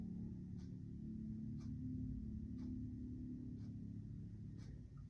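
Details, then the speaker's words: Low, steady rumbling and gurgling heard on abdominal auscultation of a female patient across all four quadrants, right upper abdomen in this clip; normal active bowel sounds. "And move down to the left lower quadrant. And our bowel sounds are active."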